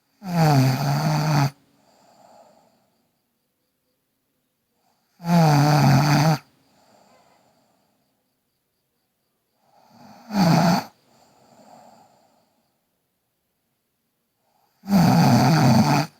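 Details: Loud, rattling in-breath snores from a sleeping girl, about 12 a minute, each followed by a soft out-breath, with silent pauses between: snoring.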